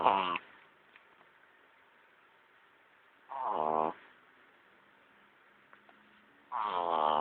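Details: Rattling snores about every three seconds, with quiet breathing between, from Pepper during sleep; snoring.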